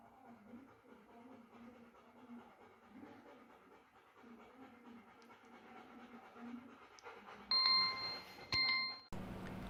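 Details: Panting.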